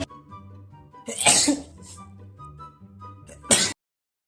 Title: How Every member sneezes